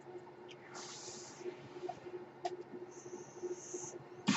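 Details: Mechanical ventilator sound heard during a podcast recording, which the user identifies as their own ventilator.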